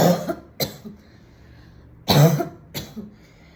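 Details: Woman coughing at home after smoking a cigarette at a party: two clusters of harsh coughs with a throat-clearing quality, about four bursts in all, in a quiet room; irritant cough after smoking.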